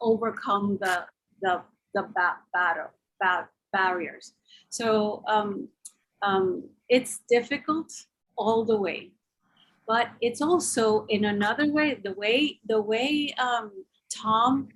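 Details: Aphasia in an adult man since a stroke about 3 years earlier, slowly improving, attending six therapy sessions a week.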